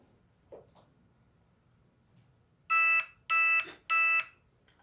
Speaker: My monitors are beeping that my glucose is low. So I don't have an abundance of glucose in my system right now.